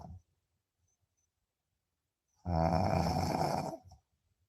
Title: Deep sleep 😴 sound on 😅 snoring 🤣 #deepsleep #snoring #sleeping